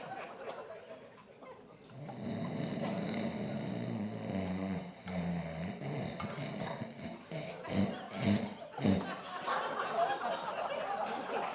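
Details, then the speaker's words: An adult comedian imitates sleep apnea: heavy snoring, then snorting gasps as breathing stops and restarts, with audience laughter. "Now, this is what it sounds like if you have sleep apnea."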